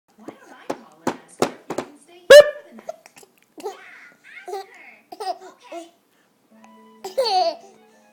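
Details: Baby boy with quick, sharp, regular little hiccup catches, then giggles and babbling, with music behind; infant hiccups.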